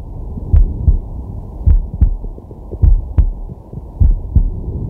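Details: Normal heart sounds of a man resting, recorded with a digital stethoscope on the chest: steady paired lub-dub at about 52 per minute, regular and unhurried, over a low hum, with deep breathing.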